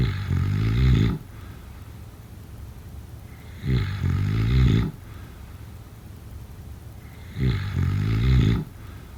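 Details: Deep, rattling snores about 17 a minute, each on the in-breath, with quiet gaps between: typical snoring during sleep.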